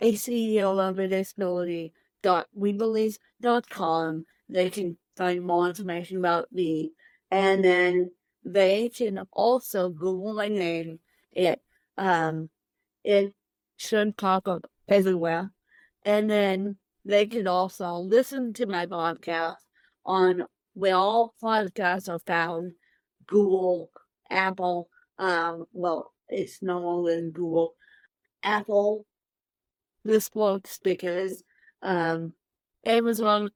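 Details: Dysarthria in an adult woman with cerebral palsy present from birth, born 13 weeks premature at one pound thirteen ounces; real, unacted speech.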